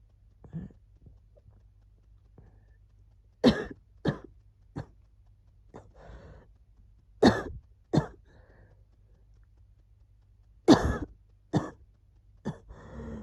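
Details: Cough during a cold, recorded as wheezing was settling: sharp, explosive coughs mostly in quick pairs, with quiet breathing noise between bouts and no clear wheeze.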